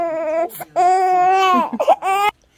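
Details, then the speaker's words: Two-week-old newborn baby girl crying from hunger before a feed: loud, sustained, tonal wails with brief catches of breath between them. "yeah the baby was hungry that's why she kept praying so i'm trying to however feed her"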